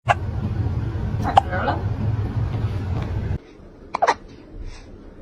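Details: Brief, sharp, spasmodic catches at irregular intervals over steady background noise; hiccups in a cat.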